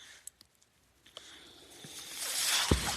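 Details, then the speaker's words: A man's mechanical ventilator: faint clicks, then a steadily building airy hiss with a soft thump near the end as a breath is delivered. "Hello everyone. My name is. That noise you're hearing is my ventilator."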